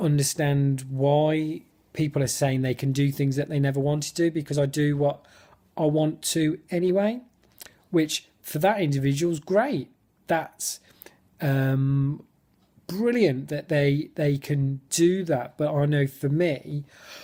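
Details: Adult male who stammers, unscripted speech in a football fan-cam interview, with his fluency technique abandoned; many blocks and clearly overt stammering; stuttering.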